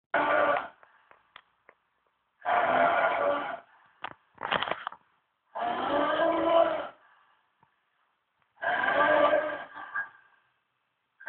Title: Worst Snoring Ever (no kidding)